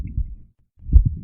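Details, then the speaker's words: Heart murmur heard by stethoscope from a damaged valve letting blood leak back: low, muffled heart sounds with a rushing, whooshing noise around the beats. "Si une valve est abîmée et laisse passer du sang, ça va s'entendre au stéthoscope et ça fait un bruit particulier qu'on va appeler un souffle au cœur."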